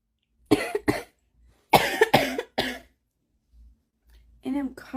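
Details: An adult woman smoker gives about six harsh, loose coughs in two bursts as her morning cough returns; a smoker's cough.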